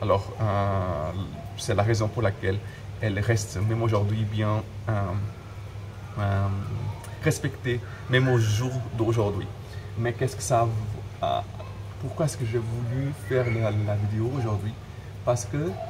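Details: Adult man who stutters, speaking French, with word and phrase repetitions; stuttering.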